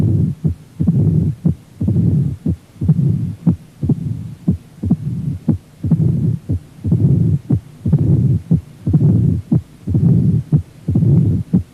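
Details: Mid-diastolic murmur of mitral stenosis.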